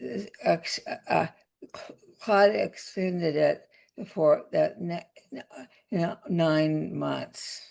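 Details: Adult woman with aphasia after a significant stroke that also caused paralysis, speaking in conversation; aphasia.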